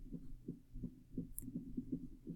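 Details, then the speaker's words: Irregular heart rhythm, teaching recording: low heart thumps at uneven intervals, alternating fast and slow with no regular rhythm. "And now we're going to hear something that is abnormal. Okay, fast, slow, no rhythm."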